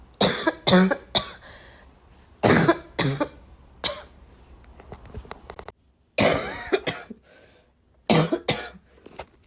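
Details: Adult coughing while really sick: repeated harsh cough bursts in clusters with quiet breathing between.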